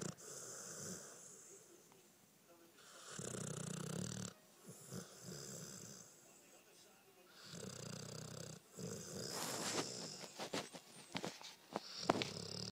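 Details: A 1-year-old pit bull dog snoring while dreaming in sleep, with irregular rough snorting breaths, small whimpers and snuffles; phone recording.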